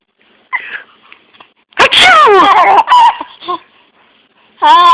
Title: Baby laughing from sneeze noise